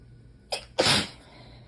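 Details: Allergy sneezing fit, sneezed into the elbow: a quick catch of breath, then one sharp, hissing, muffled sneeze.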